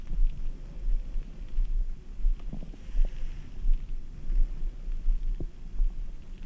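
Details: ASMR stomach sounds after drinking ice-cold Red Bull: deep, low rolling rumbles that swell and fade repeatedly with occasional soft gurgles; active bowel sounds.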